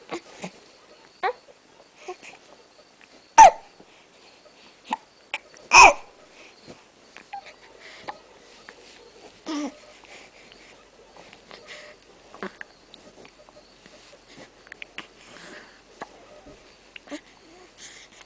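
Repeated short, sharp catches of breath, about 25 a minute and somewhat irregular, in a quiet room: hiccups.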